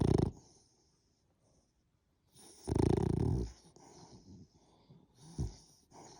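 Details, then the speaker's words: French bulldog snoring loudly while asleep: loud, harsh, rattling snores with quieter snuffling between them. "You're loud. You snoring?"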